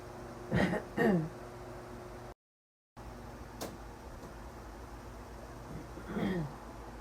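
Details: Cough during night-time sleep, which the sleeper attributes to feeling hit in the throat and to the airway being squeezed: two quick throat-clearing coughs, then a later single cough, over steady room hum.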